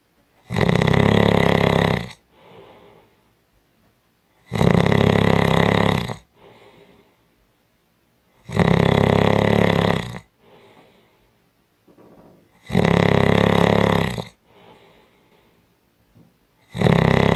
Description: 5 Minute Audio clip of Strong Snoring